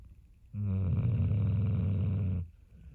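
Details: Sleeping pit bull dog snoring: a single loud, low, rumbling snore about two seconds long with a steady buzzing vibration.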